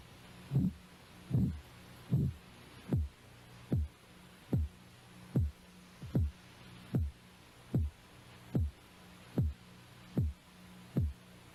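Fourteen regular low tapping beats, about 75 a minute, the first few broader and louder, over a faint hum: Korotkoff sounds during cuff deflation.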